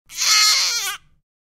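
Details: Baby boy, infant, from a sound effects library recording: a single shrill, high-pitched screech-like cry about one second long; infant cry.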